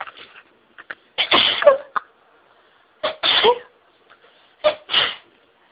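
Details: Intense sneezing fit deliberately stifled, which intensified the nasal tickling: three forceful sneezes in rapid succession, each preceded by a sharp indrawn breath, taking the breath away.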